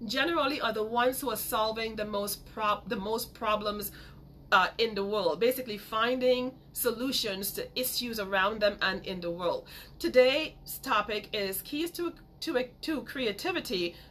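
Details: Adult woman with a major speech impediment since childhood who still stutters sometimes; stuttering.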